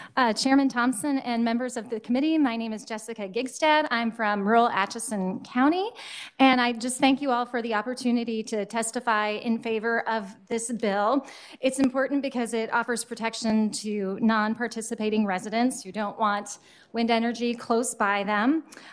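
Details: Adult woman speaking; Normal voice.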